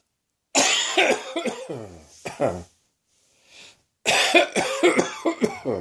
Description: I woke up this morning with a sore throat and started coughing a short time later. Could be the start of a summer cold.